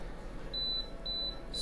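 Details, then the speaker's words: Two clear high-pitched electronic beeps, a third starting, from a dental apex locator during root canal treatment, checked by touching the rubber dam clamp to confirm it works. "i'm going to make sure that i get this beeping sound here and we can see on the reading how it's going all the way up so we know our apex located everything is working properly"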